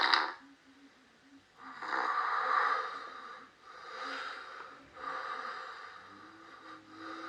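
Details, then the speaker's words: Adult snoring recorded overnight before using an anti-mouth-opening sleep patch: harsh, rasping, fairly loud and sharp breath noises in repeated bursts with quieter gaps, in a small room. "침 폭은 얼마 넓지는 않지만 상당히 날카로운 소리가 나면서 꽤나 크게 들리는 걸 알 수가 있습니다"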